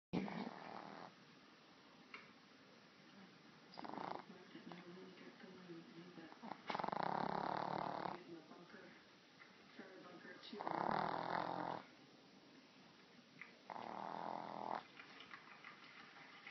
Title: Cute snoring puppy